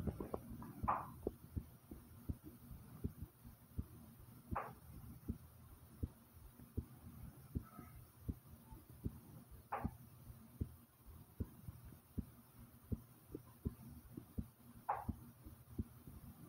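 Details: Own heartbeat recording, ASMR, starting slow then rising: faint soft low thumps about 80 a minute under steady hiss with a few louder knocks; normal heartbeat.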